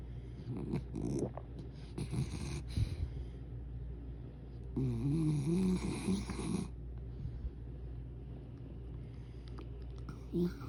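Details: A sleeping dog snoring: low, rattling snore sounds with one louder rumbling breath in the middle; ordinary dog snoring.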